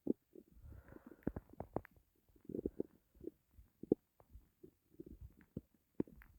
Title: my starving stomach growls